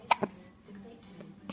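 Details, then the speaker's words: Baby girl, just awake, with hiccups. "really has the hiccups has the hiccups"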